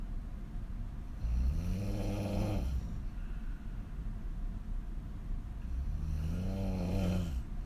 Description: Extreme female snoring on her back with wide open mouth